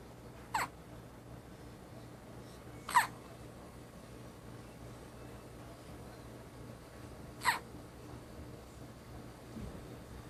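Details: An infant said to hiccup all the time, with three brief, sharp, squeaky hiccups at irregular intervals, about 13 a minute, against quiet room noise; infant hiccups.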